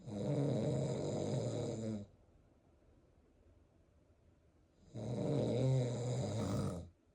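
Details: Loud snoring of the father, two long rumbling snores about three seconds apart with quiet pauses, to which his 36-week twin fetuses respond with vigorous fetal movement; snoring.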